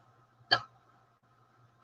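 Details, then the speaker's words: Single sharp, abrupt hiccup over a low room hum; the person says eating problems often cause hiccups or burping, and mentions having just eaten cheesecake. "I'm sorry. I have hiccups now. Oh. Another issue with my eating problems is I get a lot of either hiccups or burping issues going on."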